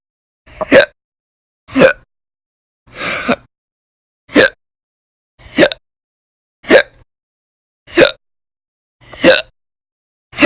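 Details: Repeated short, sharp hiccups at a steady pace of about fifty a minute, from a prolonged bout of violent, loud hiccups lasting many hours a day over several weeks.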